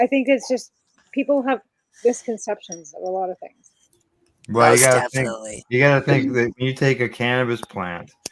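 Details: Adult speakers, radio conversation; normal conversational speech.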